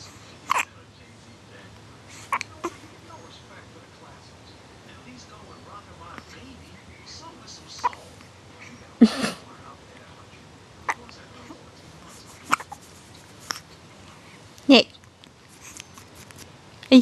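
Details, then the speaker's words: Baby girl, brief sudden catch sounds recurring irregularly, about 27 a minute, with faint room sounds; hiccups. "Someone has the hiccups."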